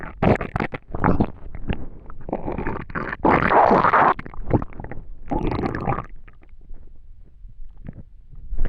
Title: Digestion stomach noises